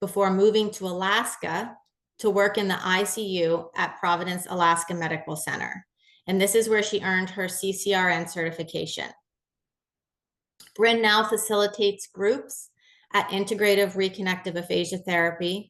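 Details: Adult woman narrating; normal speech.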